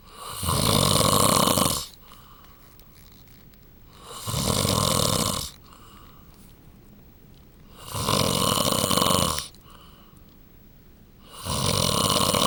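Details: Adult husband snoring, wife hopes he will attend a sleep clinic: loud, rough snores on each breath, about 15 breaths a minute, with quiet pauses between them; habitual snoring during sleep.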